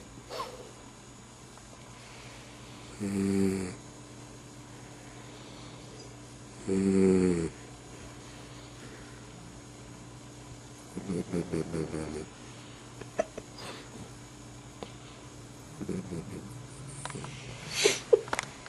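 Rough, rattling snores on breathing in, about every four seconds (roughly 15 breaths a minute), over steady room hum.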